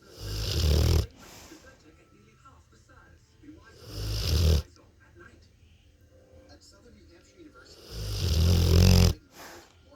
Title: My rotty having a nap,with a little bit of a snore.